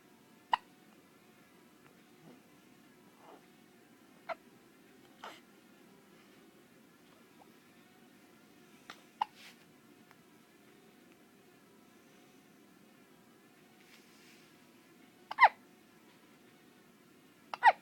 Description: I never knew baby hiccups were so adorable.